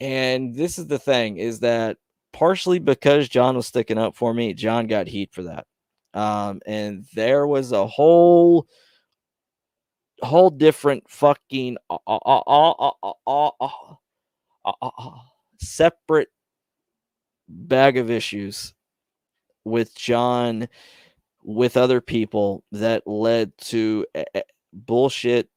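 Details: Male podcast host who describes having his own stutter, speaking on a live stream; stuttering.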